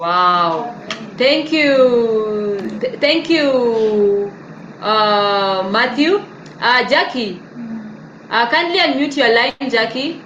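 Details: Dysarthria in an adult living with cerebral palsy; his speech is hard to transcribe.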